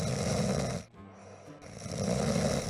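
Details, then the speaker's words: Acted snoring recording in a comedy skit about sleep apnea (an uncle's snoring recorded by a relative): loud, rough snores with a brief quiet pause between two of them. "무슨 코를 그렇게 골아. 시끄러워서 잠을 못 자겠잖아."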